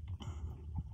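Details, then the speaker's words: Bully breed dog, tired after daycare, sleeping in a quiet room with low, rough rumbling breaths; snoring. "If y'all do hear it snoring, that is my dog. I have a bully, his name is Papa, and he's back, and y'all will be meeting him eventually."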